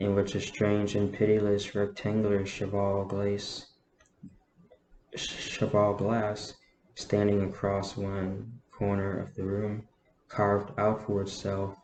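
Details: Adult man with a self-reported stutter, reading a novel aloud; he says he stutters less when reading. Phrase repetitions heard. Stuttering.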